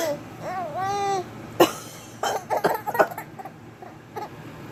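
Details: Infant girl's high rising squeal, then a few short coughs followed by bursts of laughter; she finds coughing hilarious.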